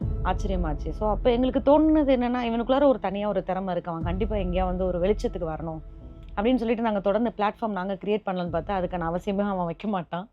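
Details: Adult speaker; normal speech.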